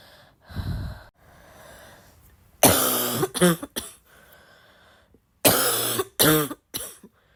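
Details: Sick girl gives a sniffly breath, then two bouts of harsh, loud coughing, about three bursts each, with a wet, rough edge; congested barking cough.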